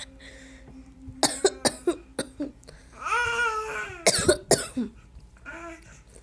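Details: Coughing from a person with a cold while dancing goes on around them; a cough.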